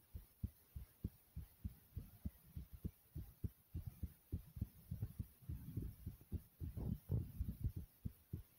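Deep, rapid paired thumps repeating steadily, roughly a hundred beats a minute, with faint room hum: a thumping heartbeat.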